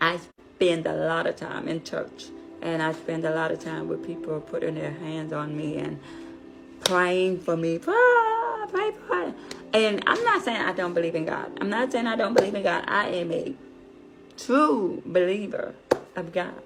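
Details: Deaf adult woman, deafness found at age five, who learned to speak through childhood speech therapy; deaf speech.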